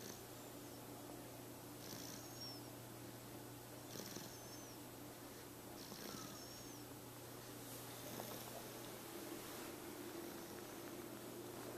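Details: Snoring.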